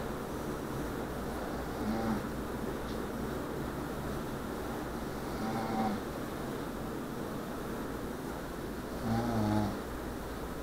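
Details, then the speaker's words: Adult woman (wife) asleep in the dark, snoring loudly like a banshee: rumbling snores on three breaths, roughly one every three to four seconds, over steady room noise; heavy snoring. "like animal sound and she is snoring like a banshee so you might not be able to see her"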